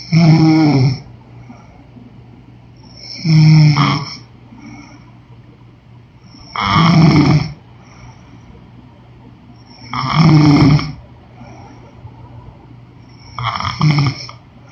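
Loud, regular rattling snores on each breath in, about 18 a minute, with quiet gaps between.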